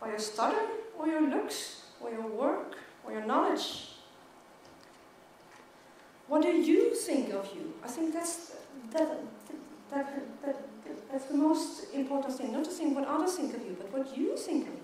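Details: Adult woman who stutters; stuttering.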